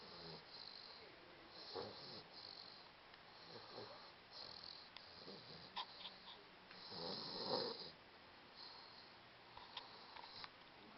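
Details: 16½-week-old taking a nap, snoring: soft, repeated breathy rasping noises, about five or six, with a louder rattling one near the end over faint room noise.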